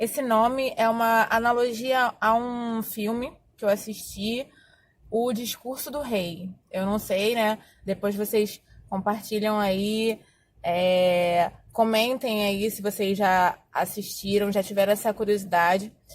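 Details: Adult Portuguese-speaking woman who says she has stuttered for more than 20 years; stuttering.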